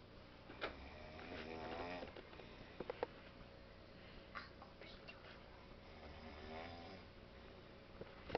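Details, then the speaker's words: An adult man asleep at night in a quiet room gives two buzzing, rattling snores on in-breaths about five seconds apart, with a few faint clicks; ordinary sleep snoring. "I don't know if you were able to hear that but yeah he was snoring and he's sleeping he has to get up early tomorrow and go to work"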